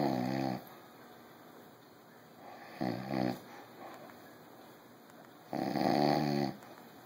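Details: Rough, buzzing snores every few seconds from a sleeping father, with steady background room hum; snoring.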